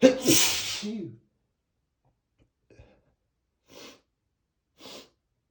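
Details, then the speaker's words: One loud, exaggerated sneeze and two soft sniffs from someone allergic to flowers, already sniffly after deliberately sniffing lilies; an allergy sneeze acted in a playful cartoonish style. "Uhoh, not again. Here comes another sneeze. [snorts] Oh no. Uh-oh. I feel another sneeze coming. And it's going to be a big one."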